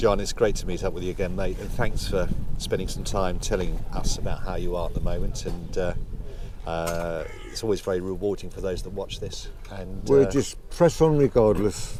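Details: Adult male speaker; typical speech.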